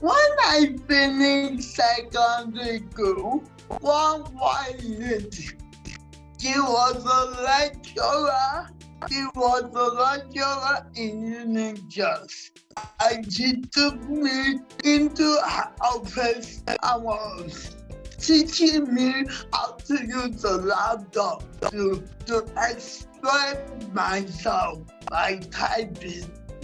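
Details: Dysarthria in a 47-year-old woman with cerebral palsy that presents through her speech.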